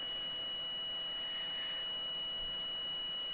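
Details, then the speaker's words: Steady high electronic tone with rapid faint pulsing, about four a second, as a dental soft-tissue laser trims the last tissue in a labial frenum removal on a 7-year-old girl. "so we're just going to do a little bit more here just going to zap that off that little nugy right"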